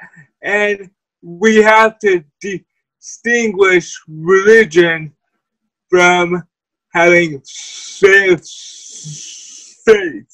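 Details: Dysarthria in a person with cerebral palsy who uses a wheelchair.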